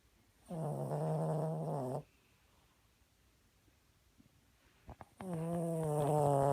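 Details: Sleeping animal snoring yet again: two long, loud, buzzing snores with a pitched, droning quality, separated by a quiet pause. Snoring.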